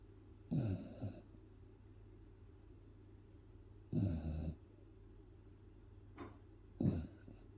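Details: Sleeping 10-month-old Beagle: three soft low rumbling snorts spaced a few seconds apart, with brief sniffs; ordinary snoring.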